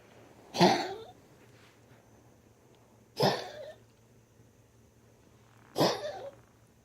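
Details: After tracheal ring surgery with constant coughing while exhaling: three harsh, dry coughs about every three seconds; recurring post-surgical cough.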